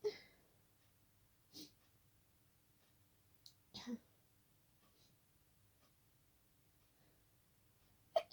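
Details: Several short, muffled, hissing bursts in a quiet room at night, with one sharper at the end; sneezes deliberately stifled to stay quiet, some escaping.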